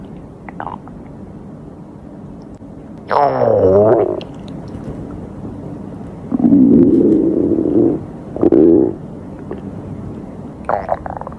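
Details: Borborygmi from a hungry girl: several loud, drawn-out gurgling growls with quieter rumbles between them; ordinary stomach growling from hunger.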